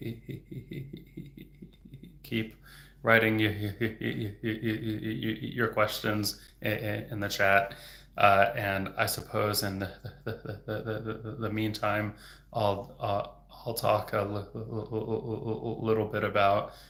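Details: Adult man who stutters, a speech-language pathologist, who reports getting stuck on words; stuttering.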